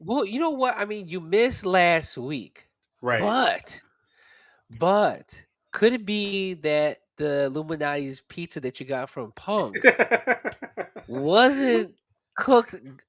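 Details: Adult man speaking; normal voice.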